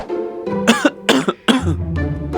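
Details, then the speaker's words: Dry cough, acted by an adult man in a cough-medicine advertisement: three or four short, sharp dry coughs over background music. "Lu dari tadi batuk mulu nih. Minum obek kombi antisusif dulu deh."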